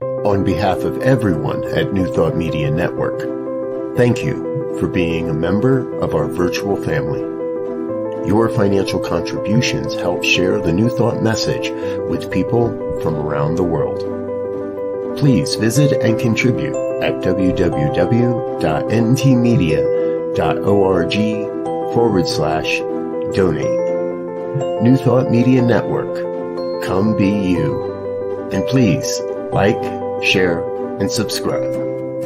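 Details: Adult announcer; typical speech.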